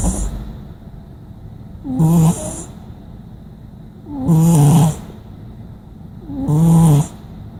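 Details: Snoring cat sitting beside its owner: three low, rattling snores at a steady pace of about 27 a minute, with quiet gaps between them.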